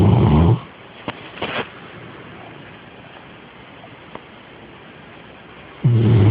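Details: Sleeping dog, snoring heard nightly: two loud, low, rattling snores about five seconds apart, with quiet between; snoring.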